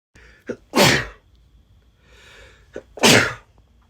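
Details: Man with allergies and remnants of a cold, sneezing into partner's shoulder/back while hugging: two sharp sneezes, each preceded by a quick intake of breath.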